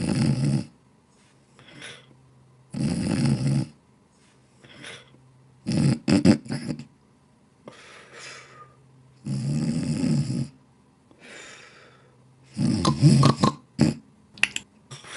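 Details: Animation of a dog snoring and annoying his cat partner: rough, rumbling snores repeat irregularly with softer snorts and breaths between them.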